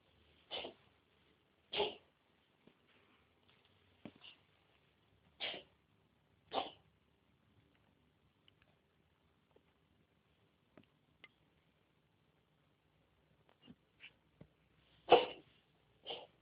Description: My cat coughing.. You'd think shes a smoker lol